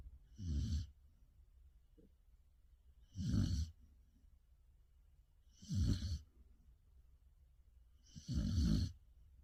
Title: the snoring of a Samoyed dog(Ga Eul)가을이 코고는 소리(사모예드)